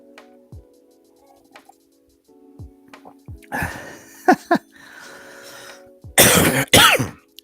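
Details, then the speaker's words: Person coughing during a live chat: several harsh throat-clearing coughs, then two strong, rough coughs, over faint music. The speaker calls it a lingering cough and mentions the room getting chillier and sweating. "I'm kind of sweating not perspiration it's just getting to me hang on a sec here yeah so as you can hear the lingering cough"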